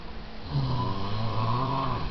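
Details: Adult man, a child's father, asleep: one low, steady, rumbling snore on a single breath; snoring.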